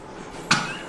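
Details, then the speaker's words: 16–17-year-old blind dog not eating for days, weight loss, struggling to breathe with abdominal effort; a single short, harsh cough, with fluid in the chest (like a wet sponge) limiting oxygenation. "he's got fluid in his chest it's like kind of having like a wet sponge and they can't actually fill with oxygen"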